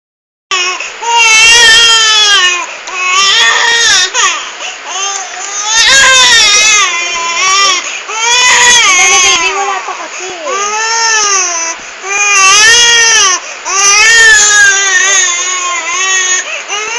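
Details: Loud, sustained, high-pitched infant wailing in long bursts separated by quick gasping breaths, reportedly because Gangnam Style music took long to play: vigorous infant crying.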